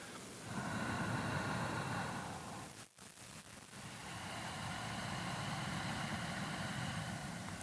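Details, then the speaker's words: Long, steady, hissing breaths with a brief pause between them during a yoga vinyasa sequence, demonstrated in a standing stance: ocean-like Ujjayi breathing. "It's a little bit what the Ujjayi breath sounds like this."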